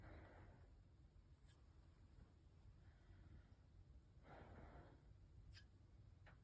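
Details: Student-nurse healthy chest assessment: soft, even airflow with slow deep breaths over a low rumbling background and a few handling clicks. The lungs are clear, with normal breath sounds and no added noises.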